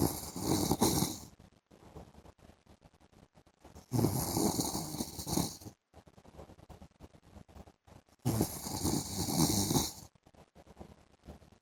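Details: Adult man snoring during an afternoon sleep: three long, harsh, snorting snores about every four seconds, with quiet crackly breathing between; loud snoring.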